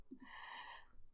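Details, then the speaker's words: A single faint, raspy, snorting breath of about one second from a sleeping pet, heard in the background while someone talks; snoring. "sorry am i done sophia's making kind of funny noises i don't know if you can hear them she's snoring"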